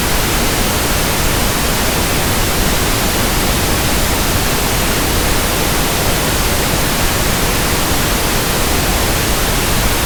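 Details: Simulated pink noise for tinnitus sound matching and frequency testing: a constant soft static hiss with no breaks, for comparing with ringing or buzzing ears.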